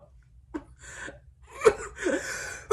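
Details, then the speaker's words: Big, wet sneezing fit: a quick run of sharp, wet sneezes with gasping intakes between them; the sneezer keeps a towel down because it gets messy. "Oh my god, I have like a big towel down here [clears throat] cuz it gets messy. So, I just put a towel down."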